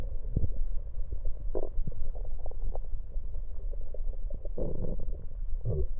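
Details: Bowel sounds recorded over the stomach with an electronic USB stethoscope while drinking cola: frequent low gurgles and bubbling bursts, ordinary active stomach gurgling.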